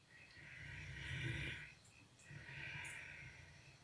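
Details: Snoring from Durga, a young bear sleeping peacefully in a sanctuary: deep, rough rumbling snores, two slow breaths with a quiet pause between.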